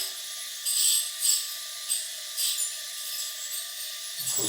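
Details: Steady high-pitched hiss and whine with brief louder scratchy bursts from a Piezon piezoelectric ultrasonic scaler cleaning live-yoghurt-and-clay biofilm from a model of extracted natural teeth, in an aerosol baseline test without mitigation.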